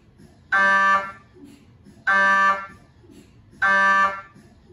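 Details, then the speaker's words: MRI scanner noise recorded inside the scan room of a GE 1.5T or 3T system: loud buzzing tones in steady half-second bursts, about 39 per minute. "This video is intended to help you familiarize yourself with the different sounds an MRI makes and eventually be comfortable around an MRI scanner."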